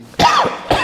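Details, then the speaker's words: Adult imitates two short, rough cough bursts, demonstrating a wet rattling chest cough with phlegm that feels like it will come up but doesn't: imitated wet rattling cough. "বুকে অসম্ভব কাশি ঘর ঘর করছে এবং মনে হচ্ছে যেন কফটা উঠবে কিন্তু উঠছে না।"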